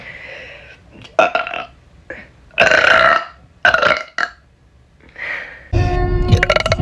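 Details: Run of loud, gurgling burps with brief quiet gaps between them and faint music behind: ordinary belching.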